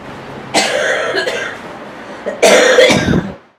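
Two loud, harsh coughs about two seconds apart, the second longer and stronger.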